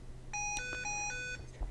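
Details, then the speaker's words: The no-breath alarm on an SAV04 pressure-cycled small-animal ventilator, demonstrated with the patient circuit disconnected: a repeating two-tone electronic chime over faint room noise. It clears on reconnection. "alarm to say no breath as you see the no breath alarm is displayed on the screen and we have a repeating alarm sounding"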